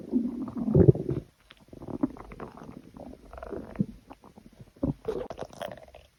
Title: stomach growl